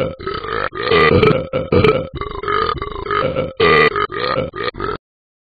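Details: Cartoon dog character in the Talking Ben app making a run of loud, drawn-out, voiced burps, repeated several times in a few seconds; simulated burping.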